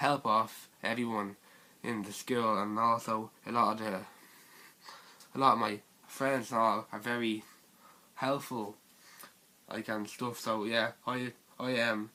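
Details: Stuttering (stammering) in a teenage male speaker.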